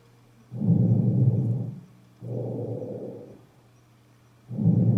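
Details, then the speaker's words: Normal vesicular breath sounds, teaching recordings from front and back of chest: heard on inspiration and expiration. "слышно при вдох и при выдохе причём выдох последний значительно длиннее чем вдоха выдох два раза длиннее вдоха"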